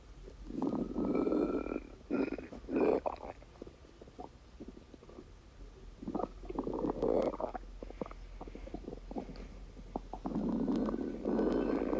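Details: Stomach rumbling (borborygmi) in a person: repeated gurgling, rumbling swells with squeaky tones between them, normal gut movement of gas and fluid.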